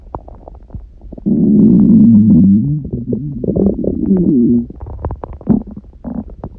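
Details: Hunger stomach growling recorded lying down by someone eating one meal a day on a raw-food diet: loud, low gurgling rumble with bubbling pops before and after; normal borborygmi.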